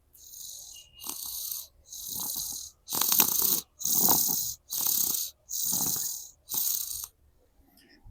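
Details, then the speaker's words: Sleeping infant girl with a cold, on medicine, phlegm somewhat better, gives eight quick, noisy, rattly breaths at about 66 a minute: congested breathing with phlegm while lying down. "आता cup बऱ्यापैकी थोडा बरा झालाय पण थोडीशी अजून तिथे झोपल्यावर असा घरघर आवाज येतो"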